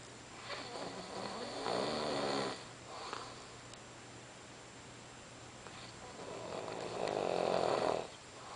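Two loud rattling snores roughly six seconds apart, with a quieter breath between, over faint room hum. Ordinary snoring.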